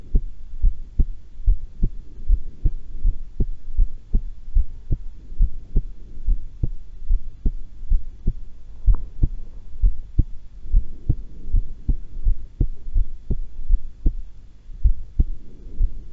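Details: Own heart sounds recorded while calmly holding the breath twice, not excited: steady, regular heartbeat at about 80 beats a minute with soft low hum; normal heart sounds.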